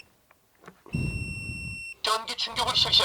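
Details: AED during a CPR instruction demonstration, pads on right collarbone and left flank: steady high-pitched electronic tone for about a second, then a voice prompt, the shock-ready tone at shock delivery.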